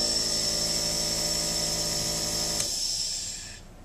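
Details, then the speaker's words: Steady high-pitched motor hum of a nebulizer compressor turned on in a demonstration, waiting for vapor to come from the mouthpiece, then switching off; normal operating sound. "At this point, you can turn the compressor on and wait for the vapor to start coming out of the mouthpiece."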